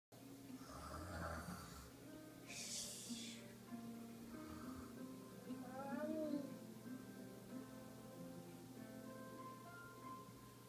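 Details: Young child pretending to snore at bedtime: a few rough, noisy breath bursts, with steady music playing in the background.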